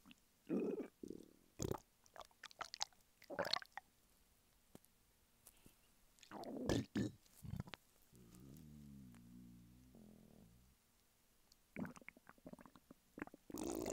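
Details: A hungry adult man lying flat on his bed, with his stomach rumbling; hunger borborygmi.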